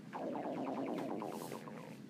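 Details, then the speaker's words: Rapid, rippling, gurgling rumble with a wavering pitch during a recorded chemistry lecture; the lecturer remarks it is their stomach: audible stomach growling (borborygmi). "Do you hear that? It's my stomach."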